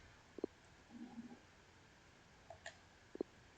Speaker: not which again I if you do hear that growling, I do apologize. That is my stomach.